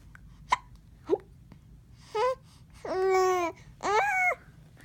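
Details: 10-week-old baby hiccupping: two sharp hiccup bursts followed by short squeaky vocal sounds; infant hiccups.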